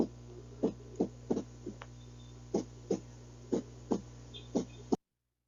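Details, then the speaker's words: Heart auscultation during a class on cardiovascular disease, demonstrating arrhythmia: heart thumps at uneven intervals with pauses and clustered beats, a disordered, non-rhythmic beat; cardiac arrhythmia. "Está en desorden, Miss. Ajá, es así se sienten las arritmias. No es algo, por eso se le llama así, ¿no? Porque no es algo rítmico,"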